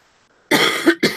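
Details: Dry cough from an adult on the first day of feeling better after an illness who still has a runny nose and thinks the cough comes from the nose running so much.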